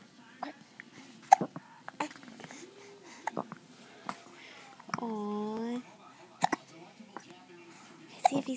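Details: Infant with repeated short, sharp hiccup clicks, roughly six to eight, with a brief whimpering cry between them; ordinary infant hiccups.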